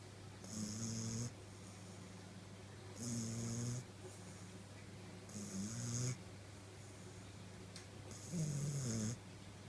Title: Snoring Bulldog puppy